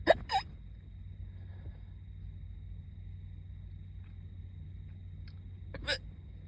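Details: Student hiccuping in a car before school while doing makeup: sharp, sudden hiccup sounds at the start and again near the end, quiet car cabin hum between; hiccups.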